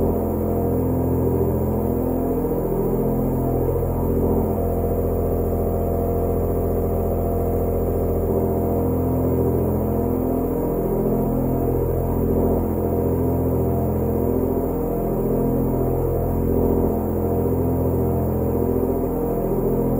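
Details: Steady running sound of a low-tone aerosol nebulizer compressor: a continuous low droning motor hum with a slow, wavering pulse, recorded as a sleep and relaxation sound.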